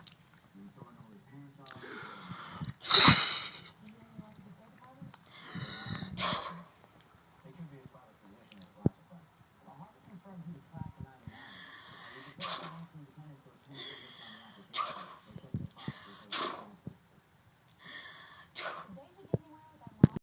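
Several short, sharp nasal sneezes and snorts in a row from a small dog, in a quiet room.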